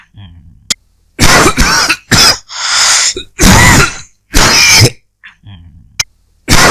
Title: 15 Minutes of Dry Coughing